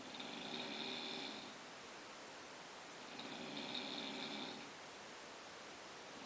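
Two long, rough, rattling breath sounds during sleep, with quiet pauses between them: snoring.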